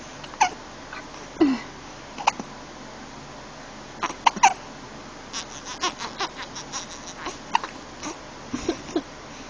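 Repeated short, abrupt hiccup sounds at irregular intervals, mixed with small fussy vocal noises and soft breathing; infant hiccups.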